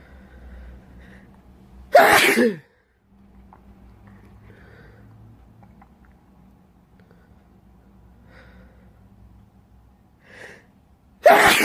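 Two loud, explosive sneezes about nine seconds apart, with quiet breathing and faint room noise between them.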